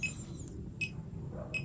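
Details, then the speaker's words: Short high beeps from a fingertip pulse oximeter, one per heartbeat, during a comparison with a smartwatch heart rate monitor; readings about 79-86 bpm, a normal pulse rate. "Then we'll start checking our heart rate also with our fingertip pulse oximeter. Let's see if we do have a close results."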